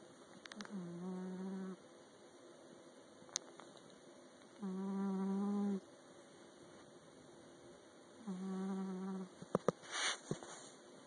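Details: Cat sleeping and snoring: three whistling, buzzy snores a few seconds apart with quiet breathing between them.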